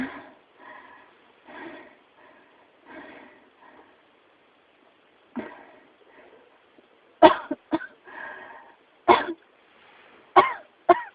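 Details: Persistent cough labelled pneumonia: soft breathy throat sounds, then about five sharp, harsh coughs in quick bursts.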